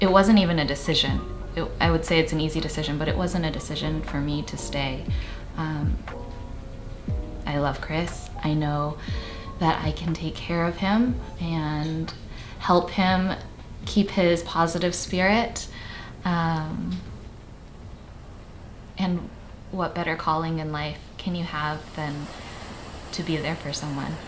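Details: Adult woman speaking; normal speech.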